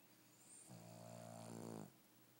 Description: Dog that snores. Really loud!